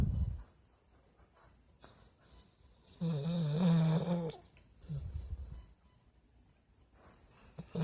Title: Our dog snore lol